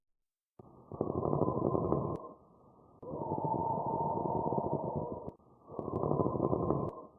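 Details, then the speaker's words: Pleural friction rub from inflamed pleural membranes, e.g. pleuritis, painful on breathing: coarse, grating, creaking sounds coming and going with each breath. "This is caused by inflammation of the pleural membranes, for example, when you have pleuritis. This is a rubbing sound of inflamed pleural surfaces that causes pain during breathing. Let's listen to pleural friction rub."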